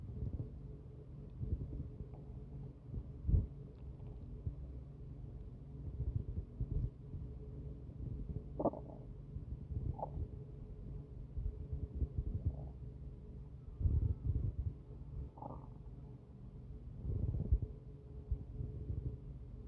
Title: My very first Stomach noise videooo!!!!!